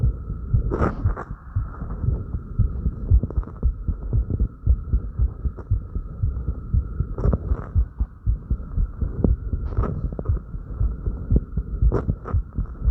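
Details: Heartbeat recorded after light crunches: fast, regular beat at about 118 per minute with a steady hum, breath sounds and movement noise; normal rise in heart rate after light exercise.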